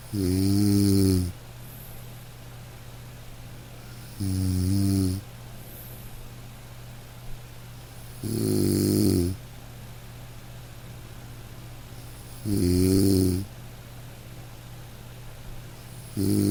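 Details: Gentle dog snoring during sleep, even snores about 15 a minute, over soft light rain background; relaxation sleep-sound recording, snoring.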